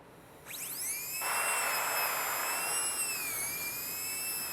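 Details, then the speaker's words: High-speed dental drill spinning up to a steady whine with air-spray hiss, cutting orientation grooves (first, mesial, distal) in a tooth for an anatomic modified fibreglass post, during a class demonstration. "Então você vai fazer um primeiro suco, um outro mais na mesial, um outro mais na distal."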